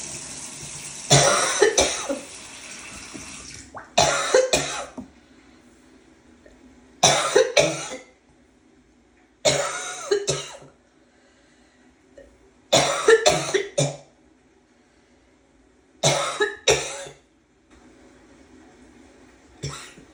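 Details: Repeated harsh barking coughing bouts, about seven clusters with quiet gaps and a throat-clearing quality, after trying to suppress a cough for a long time; barking cough.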